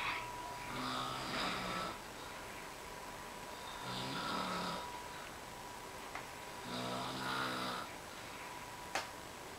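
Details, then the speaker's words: Regular rumbling snores about every three seconds, roughly 20 breaths a minute, over steady room hum, from a sleeping grandmother in her seventies; typical snoring. "Hi, I'm Akshay, and this is proof that my grandmother does snore."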